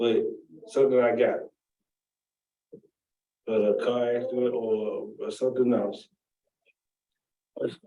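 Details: Adult woman with aphasia after a stroke almost 3 years earlier, with word-finding difficulty: she knows what she wants to say but it does not come out.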